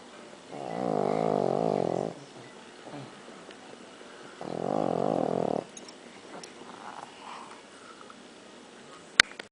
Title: Beemer snoring